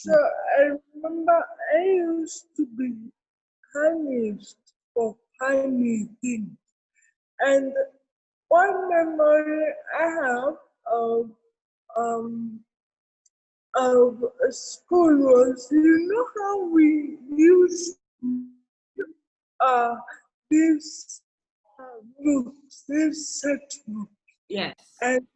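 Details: Adult woman with cerebral palsy present since birth, real speech in an interview; dysarthria associated with cerebral palsy.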